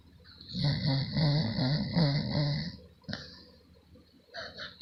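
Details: Female animal fast asleep, snoring: one long breath with a loud, rattling, low snore and fluttering vibration, then quieter breathing.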